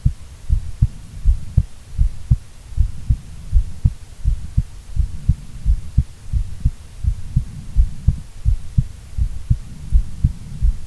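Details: Female heartbeat: steady low thumps at about 82 beats a minute with normal paired heart sounds.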